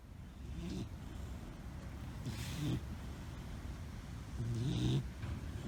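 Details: Puppy Amber napping on a yard swing: soft, low rumbling breaths during sleep, about three over several seconds, over steady background noise; light snoring.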